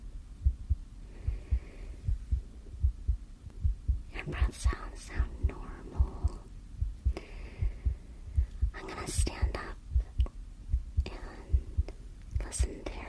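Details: Heartbeat: soft regular low thumps about 75 a minute heard through a stethoscope, with whispering and rustle, in a simulated ASMR hospital allergy-testing roleplay.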